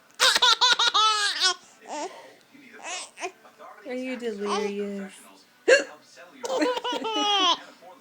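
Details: A mother's hiccups, sudden sharp catches of breath, amid bursts of a baby's hearty laughter; ordinary hiccups.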